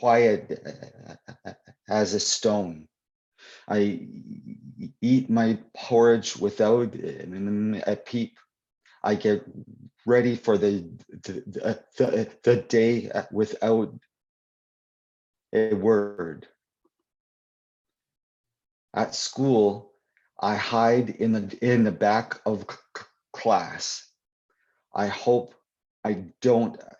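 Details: Adult poet who stutters, speaking live at a convention for people who stutter; repetitions and fillers; stuttering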